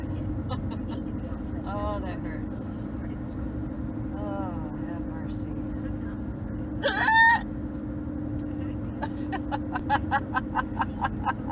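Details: Mother riding in a car with a painful bout of hiccups: repeated short, sharp vocal catches at a steady pace over car noise, then a strained exclamation.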